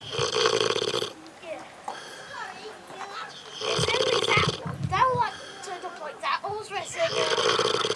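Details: Sleeping pig snoring: loud, rough snoring breaths roughly every three to four seconds, with squeaky sounds between.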